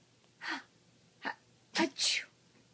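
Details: Yorkie sneezing on command: several short, sharp bursts of air in a quiet room, with "achoo" prompts spoken around them.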